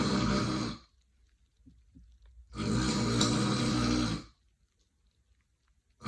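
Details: Adult woman snoring loudly with rattling snores on inhalation, two long snoring breaths separated by quiet pauses; snoring.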